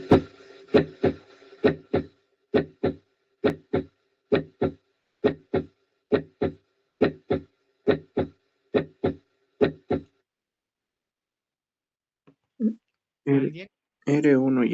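Regular paired heart sounds, about 70 a minute, with clean first and second sounds and nothing between them.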